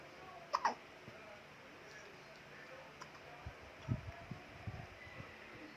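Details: Infant boy having hiccups: short, sharp hiccup sounds.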